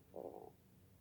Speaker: I'm not sure if you can hear my stomach growling back and forth at times here, but yeah, right in there.